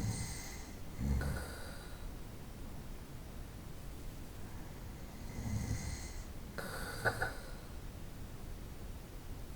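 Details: Night-time snoring recorded over about 25 minutes: soft low snoring breaths about every five seconds with faint whistling on the breath over background hiss.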